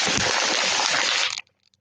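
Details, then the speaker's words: Adult, ill and unsure whether it is COVID or flu, who attributes the cough to whooping cough: a single long, harsh, crackling rasp on forced exhalation, rattling and tearing like paper. "the way my lungs sound okay and my lungs were sounding like that uh day before yesterday bad when i cough that's where your lungs sound it's scary it sounds like your lungs are just tearing up like paper or something all right so um that's whooping cough"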